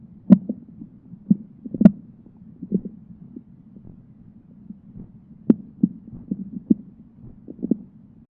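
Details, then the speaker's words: Stethoscope diaphragm held gently on the right lower quadrant during an abdominal exam, before percussion or palpation: irregular soft high-pitched gurgles and clicks every second or so; normal bowel sounds. "let's start in the right lower quadrant bowel sounds are most common here and sound like high-pitched gurgling every few seconds"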